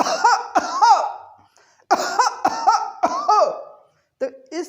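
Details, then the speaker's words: Imitated very loud cough demonstrated by a homoeopathic doctor, described as audible from rooms away: loud cough. "तो उसकी खांसी इतनी ज़ोर से होती है, इतनी ज़ोर से वो खांसेगा कि उसकी आवाज़ बहुत दूर से ही हमको सुनाई देती है।"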